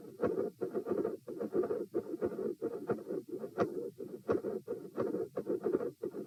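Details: Heart auscultation at position P during a stress test (rates 72-90-102-114-90 bpm while lying, sitting, standing, bobbing, standing, lying). Rough, continuous whooshing machinery murmur at about 88 per minute, with sharp high clicks over some beats.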